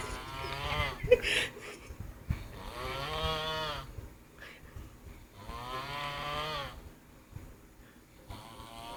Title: My friend Snoring after having 5 peg of old monk